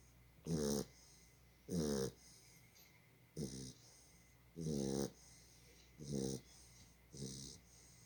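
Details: Sleeping dog snoring: six rough, rattling snores over about eight seconds, with a quiet pause between each.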